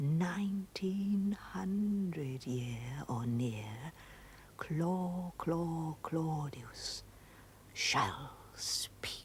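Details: Stuttering imitated by an actor in a dramatized TV scene, mimicking a character's stammer on a name with repeated syllables.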